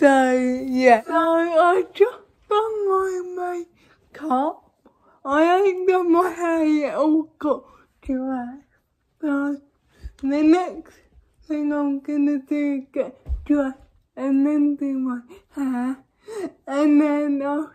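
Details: Young woman with cerebral palsy: dysarthric speech (cerebral palsy)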